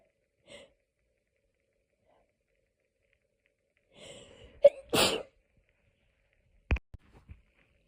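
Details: A soft breathy wind-up, then one forceful sneeze followed by a few small clicks and sniffs, in an edited loop of a hay fever sneezing fit.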